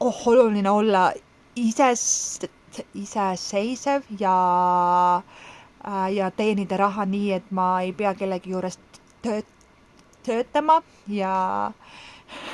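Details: Stuttering in an adult who has stuttered since childhood, speaking Estonian.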